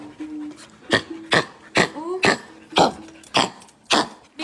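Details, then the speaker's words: Dog with a rapid run of about eight harsh, hacking coughs, roughly two per second, with short wheezy breaths between; owner says it sounds like something is stuck, coughing pauses but returns when excited or running. "Ubo siya ng ubo. Parang parang merong nakabara."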